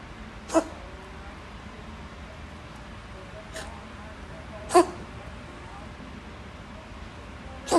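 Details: A cat during an asthma attack gives several brief, dry, hacking coughs at irregular intervals, a feline asthma cough.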